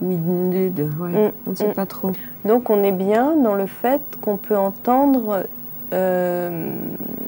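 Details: Adult woman speaking French; normal speech.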